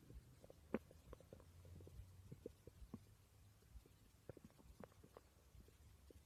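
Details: Stomach growling recorded during sleep: soft scattered gurgles and little pops over a low hum; ordinary borborygmi.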